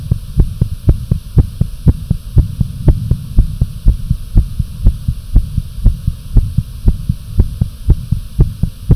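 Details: Fast, regular, pounding visible heartbeat at about 120 beats per minute over a low steady hum, with some breath holds: tachycardia.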